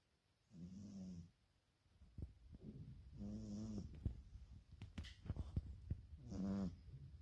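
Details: Snoring cat asleep: three slow, low, buzzing snores with soft rustling between them.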